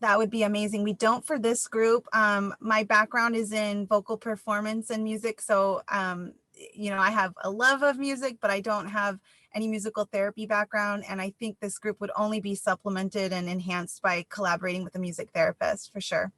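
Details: Adult woman speaking; normal speech.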